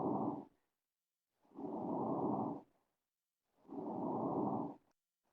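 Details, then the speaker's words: Simulated lung auscultation of a virtual patient in Shadow Health software: soft, even rushing breath sounds with clear pauses and no added noises; patient also has a little cough. "I'm gonna go ahead and listen to his lungs as well I"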